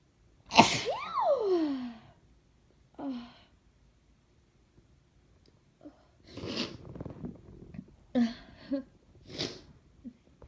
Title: Request- "Gonna Sneeze"